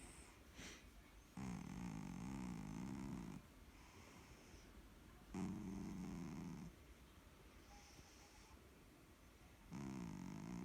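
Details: Cat that fell asleep while being petted, snoring.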